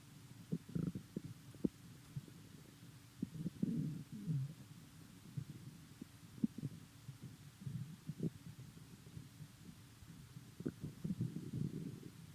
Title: My empty stomach rumbling in the morning